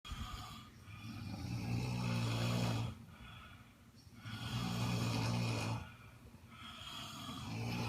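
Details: Person asleep in a hotel room: loud, low rattling snores with each breath in, about every three seconds, in a quiet room; snoring.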